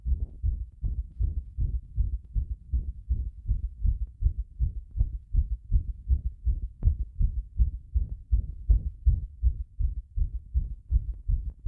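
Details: Heart sounds recorded with pressure after bathing: regular low thumping heartbeat at roughly 80 beats a minute with paired thuds, steady rhythm.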